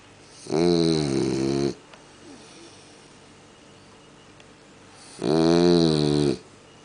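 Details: A French Bulldog snoring while asleep in bed; the recording is of poor quality.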